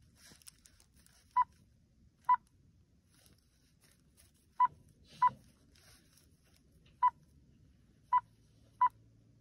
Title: 1046-3 輸液ポンプ OT-707 通電確認